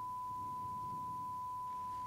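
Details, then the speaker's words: Steady pure tone near 1 kHz, played at a hospital tinnitus study as a pitch-matching test sound. The patient judges the earlier tones too high-pitched compared with their tinnitus. "Est-ce que votre acouphène ressemble plus à un son comme ceci ?"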